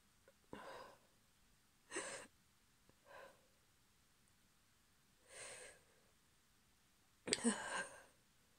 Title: Strong cold sneezes (f)